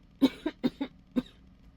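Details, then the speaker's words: Run of five short, hacking coughs in under a second and a half from an adult woman who is sick, has sinus symptoms and feels she is coming down with bronchitis. "But I I am coming down with bronchitis. I feel it. It's my own fault."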